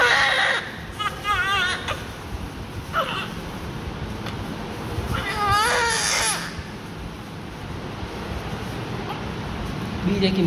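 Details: Several short, high wavering cries from a newborn baby just after birth during cleaning, with room noise and adult talk behind; newborn cry.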